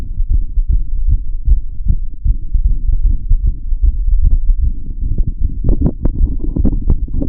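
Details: Muffled, low thudding heartbeats recorded through a stethoscope with audio tweaks, over a dense, rumbling background.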